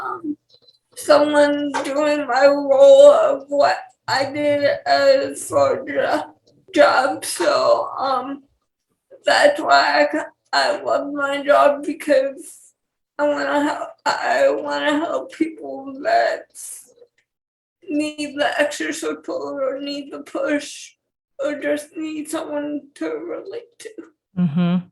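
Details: Dysarthria in a 28-year-old woman with cerebral palsy and speech issues.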